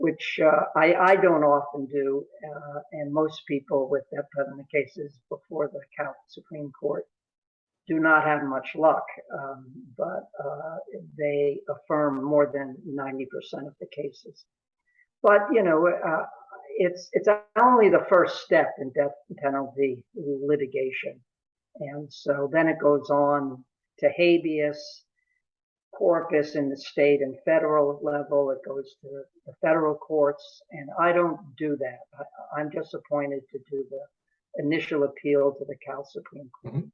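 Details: Adult male courtroom and appellate lawyer with stuttering since early childhood, course varying from severe to fluent and back; now about 95% fluent in daily life but still stutters at times; real speech. Finding: stuttering.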